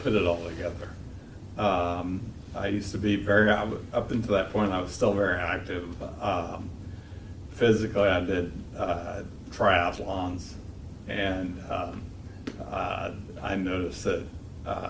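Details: 52-year-old man with multiple system atrophy, cerebellar type; slurred speech began about two years earlier along with ataxia, and he walks with a cane. Clinician calls it classic ataxic speech: ataxic dysarthria.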